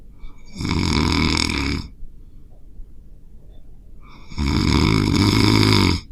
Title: POV: You wake up thinking there’s a bear in the room… it’s just your own snore